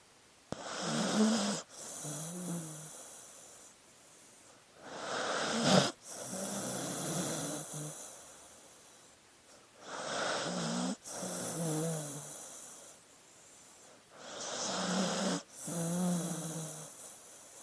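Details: Sleeping dog snoring: slow breaths, a rasping inhale then a whistling, groaning exhale, about 13 breaths a minute; ordinary sleep snoring.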